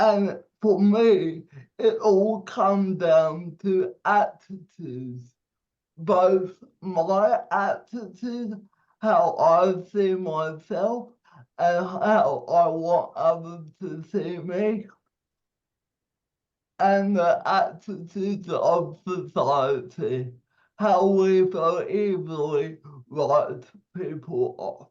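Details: 27-year-old man with cerebral palsy, speech affected by his condition; dysarthria (cerebral palsy).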